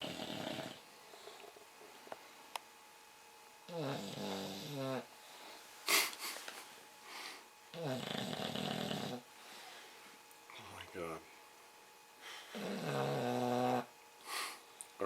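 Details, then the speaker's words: 8-month-old English Bulldog snoring: loud, rough, rattling snores in repeated bursts with quiet gaps between breaths. "the bulldog snoring [Music] oh my God Arie so if you ever wanted a bulldog get ready to put up with that one more"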